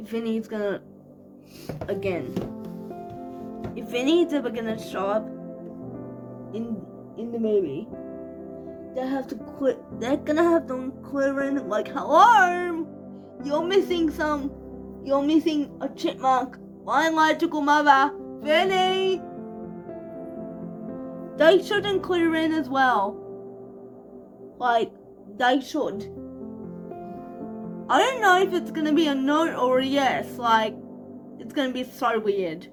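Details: Dysarthric speech in cerebral palsy, 25-year-old woman speaking in a vlog.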